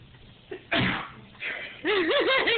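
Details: Imitated sneeze: a short intake of breath, then a loud, explosive imitated sneeze like a sneezing panda, followed by a wavering voiced sound; a nearby child startles in his swing.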